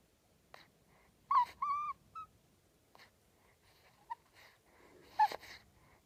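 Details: Two-week-old newborn boy sleeping, making soft squeaks, a brief high whistly squeal and light snuffly breaths; ordinary newborn sleep noises.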